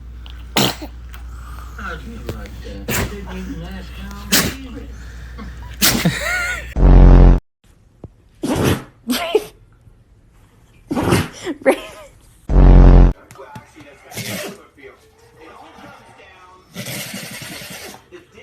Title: Dogs sneezing like crazy 😂 #dog #funnydog #dogvideos #funnydogvideos #fyp